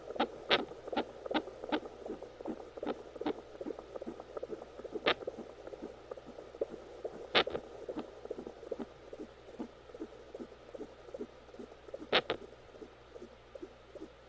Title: Fetal Baby Hiccup Sound